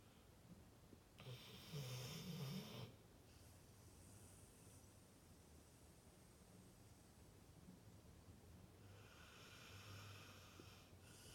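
Soft, rumbling snoring from a sleeping dog, with a louder snorting burst early on over steady background noise.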